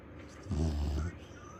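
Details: A single deep, rumbling snore of about half a second in a quiet room; a loud dog snoring.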